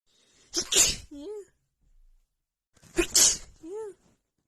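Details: Rapid sneeze attack with seasonal allergies flaring just before spring, recorded in the morning: two forceful sneezes in quick succession, each followed by a brief voiced sound.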